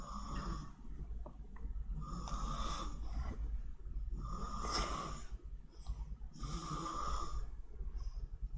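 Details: Man snoring during a livestreamed snoring contest: four rhythmic rasping snores roughly two seconds apart over low steady room hum; ordinary loud snoring.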